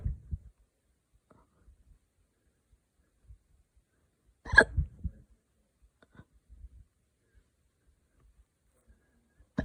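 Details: Hiccups after drinking wine too fast.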